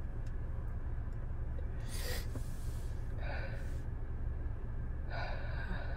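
Three sharp, sudden inward gasps over steady vehicle rumble, like the catching breaths before a sneeze.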